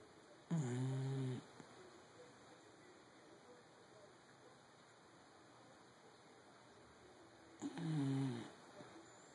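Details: Dachshund snoring in sleep: two loud, rough, fluttering snores about seven seconds apart over steady room hum.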